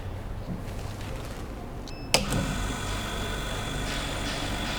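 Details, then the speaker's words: Canta V8 oxygen concentrator for newborn oxygen therapy being switched on: a click and brief alarm/indicator tones, then a steady machine hum with airflow noise as it starts running. "remember the concentrator sucks in air to produce oxygen so it is really important that it is not close to a wall"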